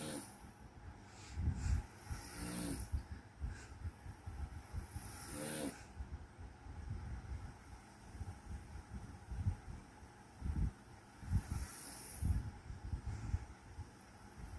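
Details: Person snoring: low, rough rattling breaths with occasional snorts over a quiet background hum; typical snore.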